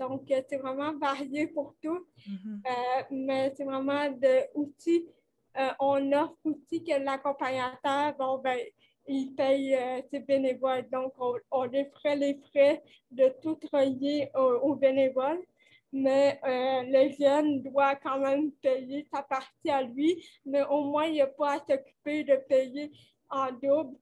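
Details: 29-year-old woman with cerebral palsy caused by lack of oxygen at birth, who appears to mention speech difficulties, speaking French; dysarthria associated with cerebral palsy.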